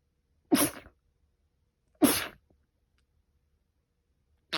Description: I sneeze in the morning because I'm allergic to pollen